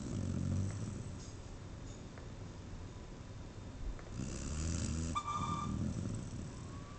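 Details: Snoring: low rumbling breathing noise with a louder snorting stretch near the end.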